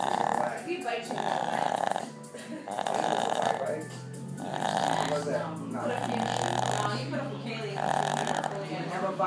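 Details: 11-year-old male Rat Terrier: loud, rasping snores about every two seconds while sleeping, with a low hum and faint voices. Snoring.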